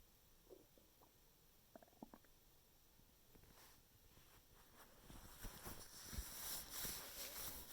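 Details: Gurgling, squeaky stomach rumbles for about 5 minutes after eating soup; ordinary active bowel sounds of digestion (borborygmi).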